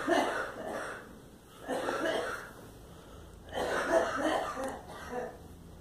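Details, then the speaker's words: A girl gives about four short, voiced, moist coughing bursts in a small quiet room: repeated coughing. "Yeah, and it's like the cough sound, so the cold go away."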